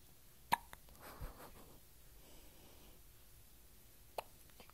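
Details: Three-day-old baby girl's first hiccups: two brief, sharp hiccup sounds a few seconds apart in a quiet room.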